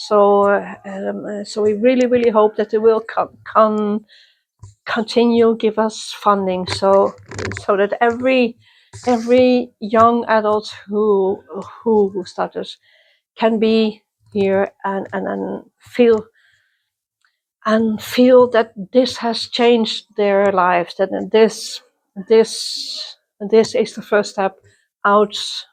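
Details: Self-identified person who stutters, interviewed at a youth exchange for people who stutter or clutter; stuttering.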